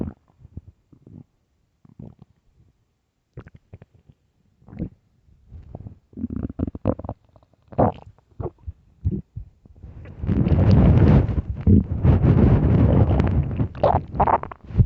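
Low gurgles and bubbling pops building into a long, loud rumbling growl; ordinary stomach growling.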